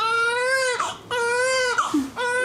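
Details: Newborn baby girl (7 lb 7 oz) still in hospital, after a difficult delivery followed by her mother's postpartum hemorrhage, cries in strong sustained wails with brief breaths between: a vigorous healthy newborn cry.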